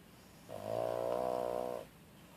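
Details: Snoring after a quarter of a Tramadol: a single drawn-out buzzing snore of about 1.5 seconds, rising from and fading back into a quiet room.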